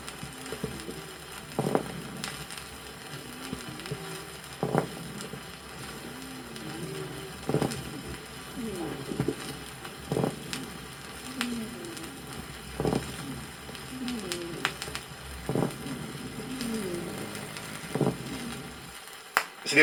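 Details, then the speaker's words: Old vinyl teaching record, lungs of a patient with bronchiectasis and pneumosclerosis: sonorous moist (bubbling) crackles on inspiration and low rumbling dry rhonchi on expiration. "послушайте аускультативно картину в лёгких у больного с бронхоэктатической болезнью и пневмосклерозом на вдохе определяются влажные звонкие хрипы А на выдохе сухие хрипы"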